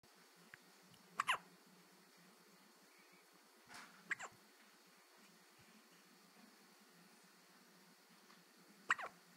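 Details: Baby with random hiccups: three brief, sharp hiccup bursts a few seconds apart in a quiet room.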